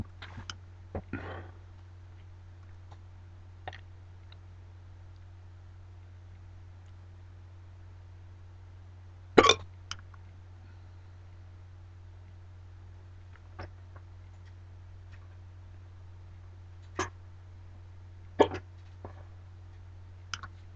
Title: Hiccups Today